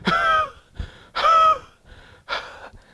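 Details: Imitated cough demonstrating a cough that precedes asthma: cough bursts run into strained, whistling wheezy gasps, like a cough setting off asthmatic breathing.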